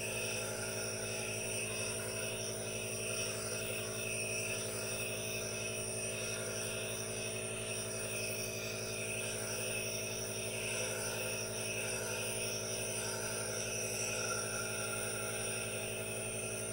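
Steady motor hum with a continuous hiss from a running nebulizer, unchanged throughout.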